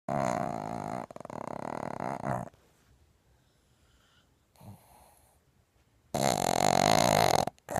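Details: Two pugs, flat-faced dogs, snoring loudly: rough, rattling breathing sounds in bursts with quiet gaps.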